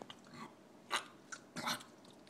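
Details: Dog coughing in a small room: a few short, harsh, quiet bursts heard as a brief run of coughs.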